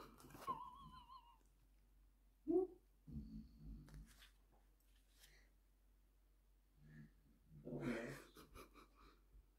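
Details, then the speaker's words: Labrador dog snoring while asleep as its owner talks over it. "Ну добро Пусть храпит он под мой голос храпит"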